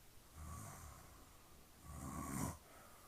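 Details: Adult father snoring loudly while asleep: two low, rumbling snores on breathing in, separated by a quiet pause.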